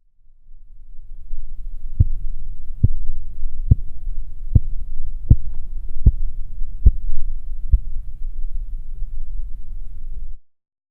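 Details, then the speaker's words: Korotkoff sounds during blood pressure measurement with a manometer: eight crisp tapping beats at about 70 a minute over a low steady hum, then fading away, illustrating the phases of Korotkoff sounds. "in the following example please listen for the various phases of the cot cough sounds while you observe the reading on the manometer"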